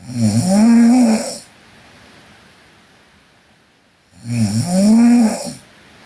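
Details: Korean girl snoring while asleep: two loud, rattling snores about four seconds apart with quiet breathing between; sleep snoring.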